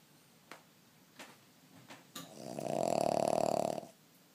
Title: Un gros dodo et un gros ronflement !!!